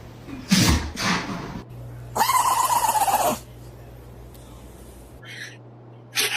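Several abrupt, forceful bursts of air, some with a short nasal squeak, consistent with a dog sneezing.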